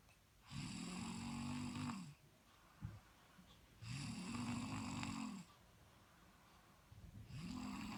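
Steady, loud, rumbling snores on each in-breath, about 19 a minute, with quiet out-breaths between: ordinary snoring.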